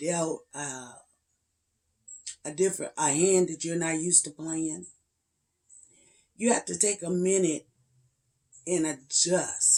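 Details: 56-year-old woman with spasmodic dysphonia and voice tremors, treated with neck injections to paralyze the muscles around the larynx every three months, the last a little over two weeks before recording; spasmodic dysphonia.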